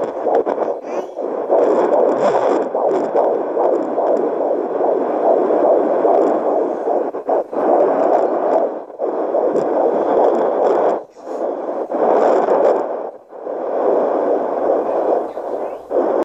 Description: My awesome doppler picking up heartbeat. Oh gosh how I miss this sound.